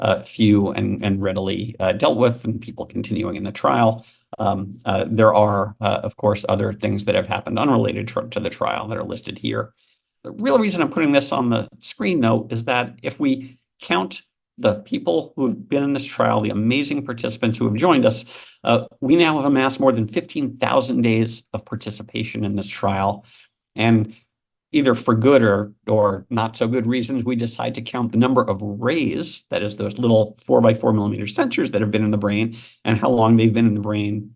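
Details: Adult male speaker; ordinary speech.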